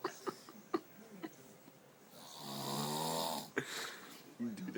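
One long, buzzing snore mixed with clicks and mouth noises, and a little background chatter. Snoring.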